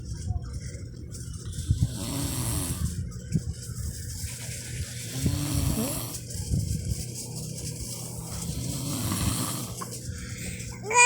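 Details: Father snoring while asleep: loud, rough, rattling snores repeating with each breath over steady room noise; snoring.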